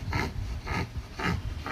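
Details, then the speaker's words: Pet dog snoring: rhythmic, rasping, low-pitched breath noises about every half second; owner says she seems to be struggling. "ওর নাক কষ্টার আওয়াজ শোনো। কি হারে কষ্ট পাচ্ছে আমার বাচ্চাটা।"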